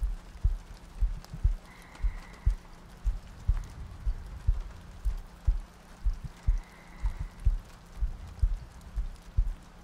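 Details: Sleep-aid ASMR loop with soft breathing and rain ambience: steady low thumping heartbeat at about 60 beats a minute under soft rain noise.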